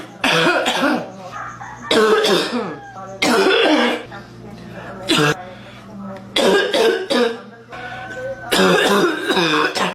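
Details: About six bursts of deep, harsh, congested coughing with voiced, rattly edges and quiet room noise between, from an adult woman; a congested smoker's barking cough.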